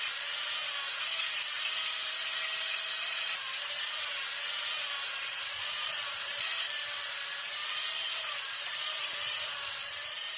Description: Sound of dentist drilling teeth